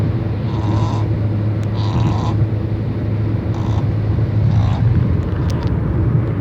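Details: Sleeping Shih-Tzu dog gives soft, regular whistling snores, about four in six seconds, over steady low road and engine hum during a car ride: snoring.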